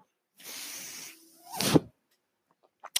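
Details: The speaker's own mechanical ventilator, heard while he talks on a podcast: a soft airflow hiss, then a brief rising whistle and a sharper valve-like burst, making up one breath cycle.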